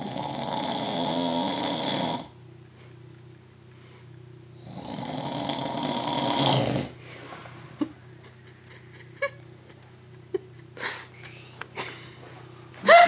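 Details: Two long, loud, rattling inspiratory snores with quieter breathing, small snorts and mouth noises from a father asleep on the couch; ordinary snoring.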